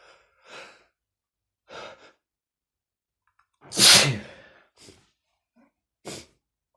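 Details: Sneezing from a person with a stuffy nose: quick inward breaths build to one loud, explosive sneeze, followed by short sniffs and breaths.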